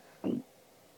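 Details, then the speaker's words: Single short, low gurgling rumble from a person's belly, deliberately produced by pushing and sucking in the stomach, possibly while hungry; ordinary bowel sounds. "this is jess this is my tummy listen i don't think this is healthy doing this what are you doing that's my tummy what are you doing to make it do that i'm pushing and sucking it"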